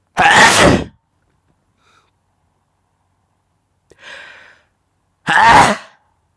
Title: This is sneezing the camera 📷